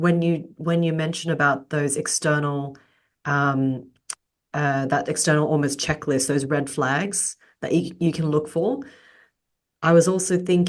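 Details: Adult speaker; Normal conversational speech.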